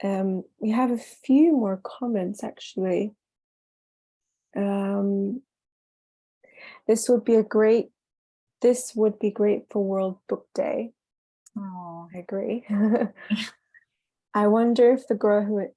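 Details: Self-reported stutter in a female attendee who attended weekend acting schools; stuttering.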